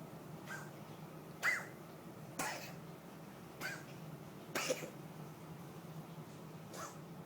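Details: Pet cat having an asthma episode: about six short, dry, hacking coughs over steady low background noise; X-ray showed unclear upper airway, vet noted obesity as a factor; feline asthma cough.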